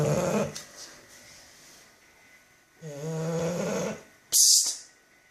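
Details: A bulldog sleeping flat out: rough, buzzing breath sounds ending in a sharp snort; snoring from a short-nosed dog.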